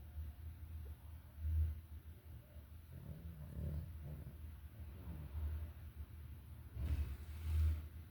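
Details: Female dog snoring during a nap: low, rumbling breaths with deeper snorts at intervals, against steady low background noise.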